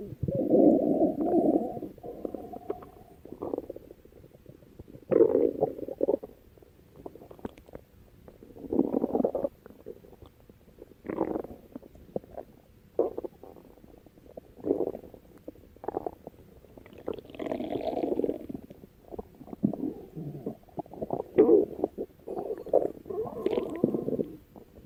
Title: Kunimitsu Tezuka’s stomach growling